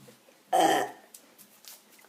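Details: One loud, rough, voiced burp lasting about half a second, then quiet room noise; a normal eructation, an ordinary release of swallowed air.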